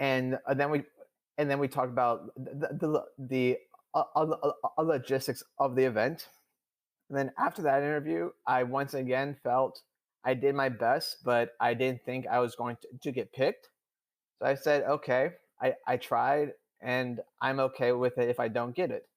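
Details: Adult male who stutters, speaking in real conversation; he reports stuttering more than he had in years during a public talk; stuttering.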